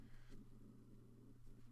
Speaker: That's my, uh, stomach rumbling there. Hopefully, uh, you can't hear that.